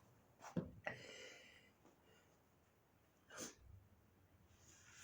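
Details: Person with allergies and possibly a cold who insists the sneezing is under control: two or three short, explosive sneezes with a quiet room between them; repeated sneezing.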